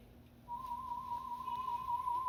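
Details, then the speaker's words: Audiometer warble tone: a steady mid-high tone with gentle, regular amplitude-modulated wavering, played from audiometer software through free-field loudspeakers; warble tones are often used in paediatric testing. "ahora ese estímulo puede ser un tono puro que sería este tono un tono guardián que es modulado en amplitud"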